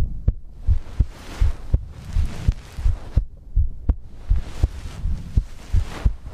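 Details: Steady low thumping normal heartbeat, about 80 beats a minute, with soft breathing between beats; heartbeat and breathing ASMR recording.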